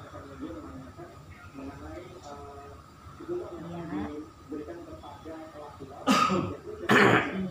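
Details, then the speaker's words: Productive cough, sputum hard to expel, in an adult male patient admitted with confirmed COVID-19 and initial shortness of breath, earlier on nasal cannula oxygen but not today; two forceful, loose coughs while a nursing student teaches the effective coughing technique. "untuk hari ini keluhannya masih ada batuk berdahak tapi agak susah untuk dikeluarkan"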